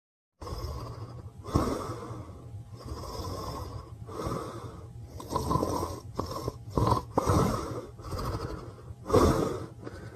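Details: Irregular noisy breaths with rough snores and sudden snorts, about 30 a minute, from a sleeping Pyrenean Mastiff dog; snoring with snorts.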